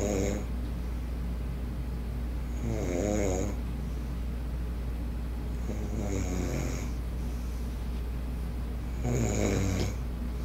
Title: snoring